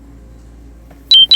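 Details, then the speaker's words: Faint room hum, then loud high-pitched electronic beeps: the speaker's diabetes glucose sensor alarm going off mid-conversation, reported as shutting down, which he then struggles to turn off. "Damn. My sensor is going off. Shut down. For my diabetes."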